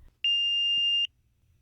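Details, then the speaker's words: Automated external defibrillator (AED) switched on by opening the lid or pressing power, in a CPR and AED training demonstration: one steady high-pitched electronic beep under a second long in a quiet room; AED power-on beep. "turning on an AED is as simple as opening a lid or pushing a power"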